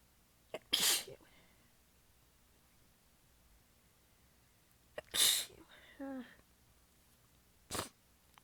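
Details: Three sharp, partly stifled sneezes in quick succession, with a faint voiced sound after the second; the person was exhausted with sore abs and biting them back during a massive fit. Sneezing fit.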